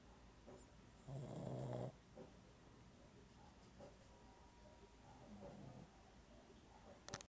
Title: Dog sleeping awkward and snoring!